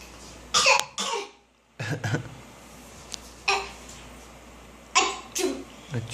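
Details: A child acting a cough: several short bursts, some in quick pairs, with pauses between; an imitation, voluntary cough.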